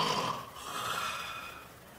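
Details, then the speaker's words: A clinician imitates a loud, snorting, rattling snore that fades away, demonstrating the snoring of obstructive sleep apnoea. This is simulated, not a real patient. Finding: snoring with obstructive sleep apnoea (imitation). "Você fez esse barulho, né, do ronco, assim. Porque o meu marido é roncador."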